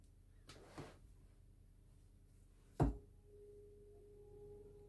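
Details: Simulated ear exam roleplay for a patient with some hearing loss: a soft tap, then a sharp strike and a steady pure ringing tone that slowly fades as a tuning fork is struck for a hearing test, one ear first.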